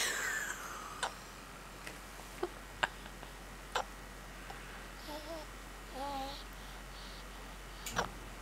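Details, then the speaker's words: Baby girl with hiccups: several brief sharp hiccup clicks at irregular intervals and a couple of soft baby vocal sounds in a quiet room. "she have the hiccups."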